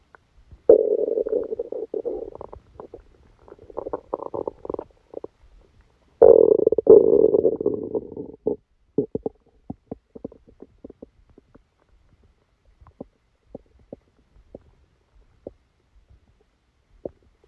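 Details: Bowel sounds recorded while sleeping with a stomachache after Christmas dinner: long gurgling rumbles followed by a run of brief bubbling pops and clicks, active bowel sounds.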